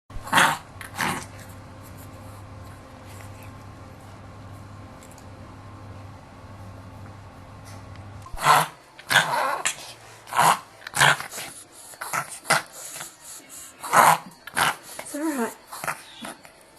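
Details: A small dog makes rapid, repeated loud snorting breaths in bursts during a reverse sneezing attack, while the owner soothes it.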